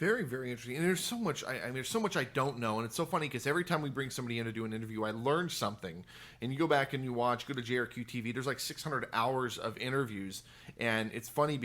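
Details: Adult man speaking; ordinary speech.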